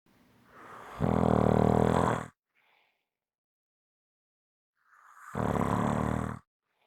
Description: This is a 5 minute clip of snoring.